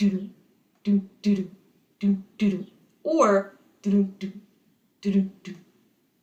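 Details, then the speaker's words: Spoken vocal imitation of heart sounds during a cardiovascular anatomy and physiology lecture: normal S1-S2 "lub-dub" contrasted with an abnormal heart sound, possibly an extra S3/S4 gallop sound. "if both of those are present s3 and s4 we call that a gallop we call that sound a gallop so a normal heart sound would sound like an abnormal heart sound may sound like"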